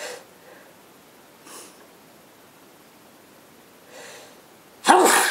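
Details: Adult sneezing alongside a partner: quiet sniffs and breaths, then one sudden loud, explosive sneeze at the end; an ordinary sneeze.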